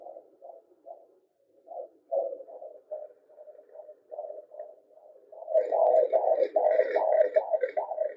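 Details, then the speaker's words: Fetal heartbeat of a boy on an at-home handheld fetal Doppler slid across the mother's belly with ultrasound gel: rapid rhythmic whooshing pulses, rate about 150–152 per minute, normal. "the magic sound you want so his heart rate right now is 150 152"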